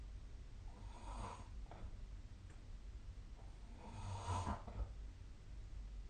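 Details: Two rough, rattling snores on in-breaths about three seconds apart, over low steady room hum: snoring during sleep, with the SnoreLab snoring app referenced.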